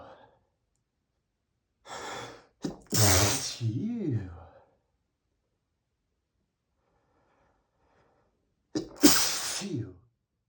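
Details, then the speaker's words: Man sneezing after spraying perfume, which he says he is allergic to: two loud, explosive sneezes, each with a gasping inhale before it, separated by a quiet pause; allergic sneezing. "God, I'm just so allergic to perfume."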